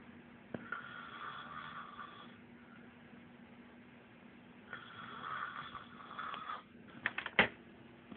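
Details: Person who insists he never snores, recorded snoring: two drawn-out, buzzing snoring breaths over a steady room hum, with a few clicks at the end.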